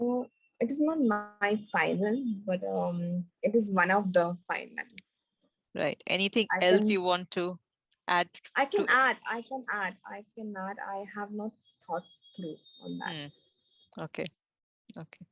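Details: Recovering global aphasia in a woman after a stroke on an Everest base camp trek about four years earlier, initially unable to speak, read, write or spell; language relearned through speech therapy.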